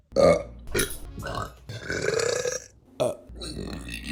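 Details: Burping: several loud, deep burps, some short and one long and rumbling, in a small room.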